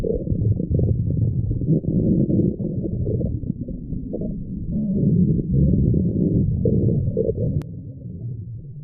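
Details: Stomach growling: continuous low gurgling and rumbling with irregular bubbling pulses, a normal digestive sound.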